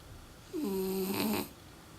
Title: French Bulldog Chikuwa snores A LOT!